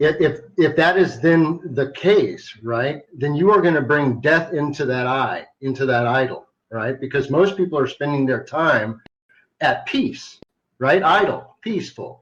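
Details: Adult man who stutters sometimes, a carry-over from much more frequent stuttering as a child; stuttering.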